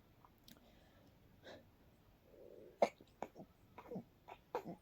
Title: Quiet, very stifled night sneeze attack